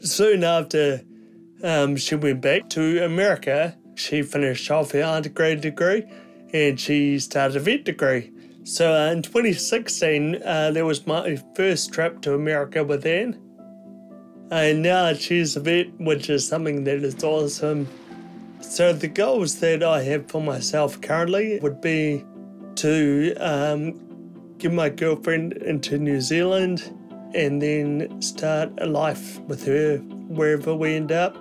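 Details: Man turning 30 with Friedreich's ataxia, a progressive neuromuscular condition affecting coordination, balance and speech; two siblings also affected. Finding: ataxic dysarthria.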